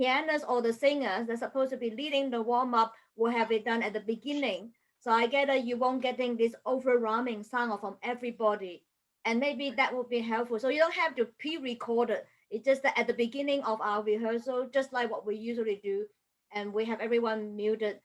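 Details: Adult woman speaking; Normal voice.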